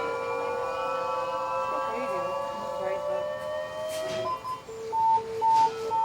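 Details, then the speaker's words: Defibrillator charging to 250 joules, described as the maximum for the lady's age and size, during emergency-department treatment of a shock-resistant cardiac arrest after earlier shocks: steadily rising charge tone, then repeated pulsing ready tones. "so when you have sedated let me just go for it are you guys Happy 250 you can charge charging"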